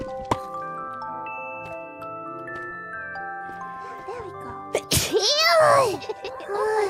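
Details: A sneeze from a VTuber during a game stream while mining in a dusty area, followed by "bless you."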